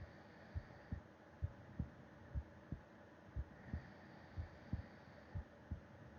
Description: Put your ear against my chest and listen to my heart beat as I sleep, breathing softly and a bit of snoring towards the end.